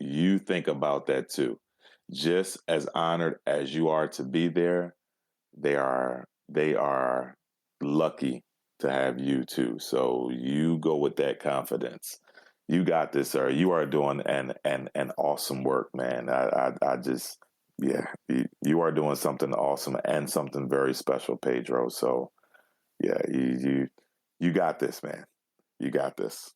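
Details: Stuttering in the adult male podcast host, with audible word and phrase repetitions.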